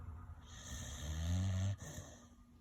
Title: Nugget the pitbull snores